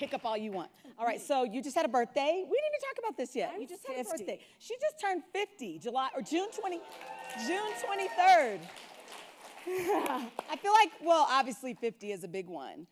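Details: Adult women in a live interview; ordinary conversational speech.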